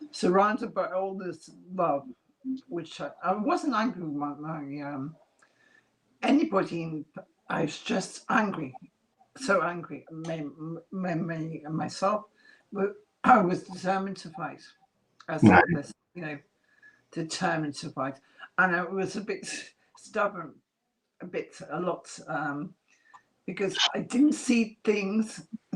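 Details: Adult woman after multiple strokes (two hemorrhagic, three ischemic, 2012–2013) who lost speech and relearned it, with a slight remaining speech impediment; mild residual aphasia after stroke.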